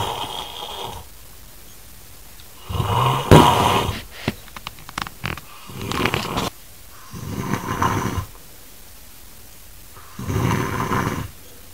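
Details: Man snoring extremely loudly with grunting: loud, harsh, rattling snores with choppy snorting bursts roughly every four seconds; heavy snoring.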